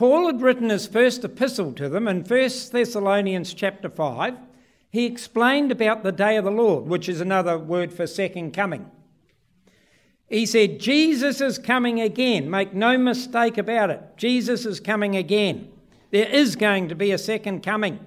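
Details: Adult male speaker; typical speech.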